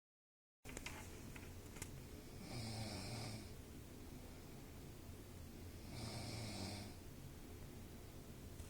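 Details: Heavy snoring: two rough, snorting snores about three seconds apart, with faint breathing noise between them.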